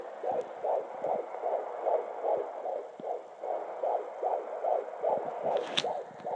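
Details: Fetal heartbeat on fetal Doppler at 19 weeks 5 days of pregnancy: rapid, regular whooshing pulses about 150 beats per minute.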